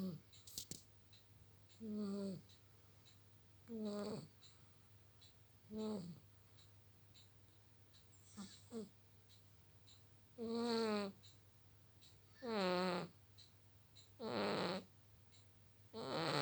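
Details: Short, rhythmic snoring sounds, about 30 a minute, from a sleeping red cat in a quiet room; snoring.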